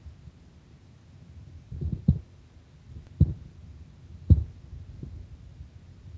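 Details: Heart sounds during breath-hold with applied pressure: soft, low heart thumps at roughly 55 beats per minute, no breath noise.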